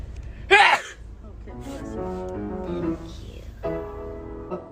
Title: TWICE 💗 explosive sneeze 🤧 but still pretty my queen 👑